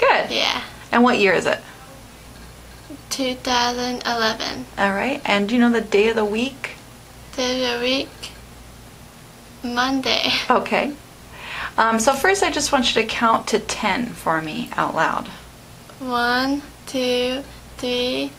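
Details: Adult patient answering a therapist's questions; aphasia.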